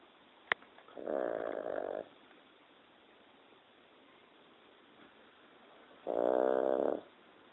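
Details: Snoring from a sleeping Boston Terrier: two loud, rattling, buzzy snores about five seconds apart in a quiet room, with a click before the first.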